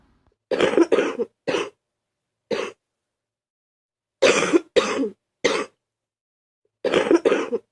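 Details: Ill student with fever of 39.2°C, congestion, very sore throat and sneezing, starting to cough up mucus: three clusters of short, harsh coughs, about nine in total, with silence between the clusters.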